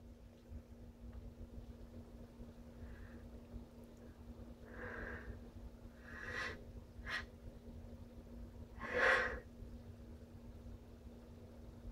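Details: Quiet breathy build-up breaths, then two or three strong, sharp sneeze bursts over a steady background hum; ordinary sneezing.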